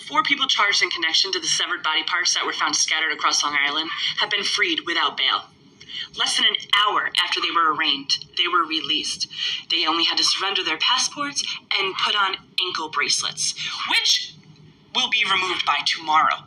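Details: Adult male speaker, news-style reading; normal speech.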